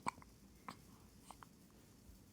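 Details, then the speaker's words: 3-week-old baby girl with hiccups: soft, sharp little catches at irregular intervals, about four in two seconds, in a quiet room. "what are you saying got the hiccups huh she's had the cheese"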